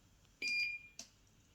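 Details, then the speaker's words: Hospital patient less than 24 hours after large bowel removal surgery for bowel cancer; two electronic beeps, a longer tone then a short blip, from an IV infusion pump alarm; she is unsure why, possibly a blocked line. "why that's beeping. I don't know if I made the things blocked."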